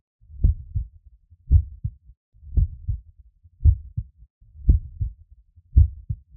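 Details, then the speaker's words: Normal heart sounds at a steady rate of about 56 per minute. Each beat has a clear first sound (B1/S1) followed by the second (B2/S2), repeating B1 B2. "on entend le premier bruit B1 puis le second bruit des deux et puis ensuite à nouveau B1 B2"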